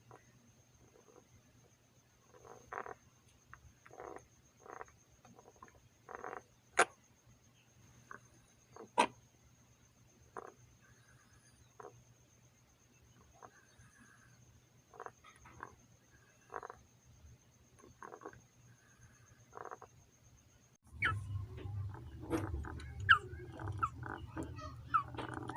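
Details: Young chickens with mycoplasma respiratory infection (colds, sipon/pisik/halak) make repeated short croaking, frog-like breath sounds, typical of respiratory rales.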